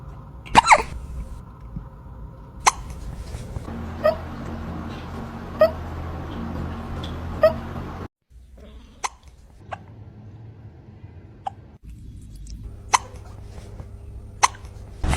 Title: Kitten hiccups.🥹#cutecat #cute #funnycats #cat #cats #funnyanimals